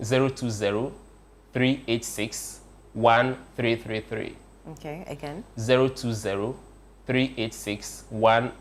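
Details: Adult male speaker; ordinary speech.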